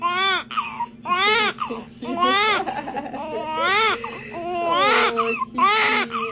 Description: crying babies after c-section😭😢😪🥺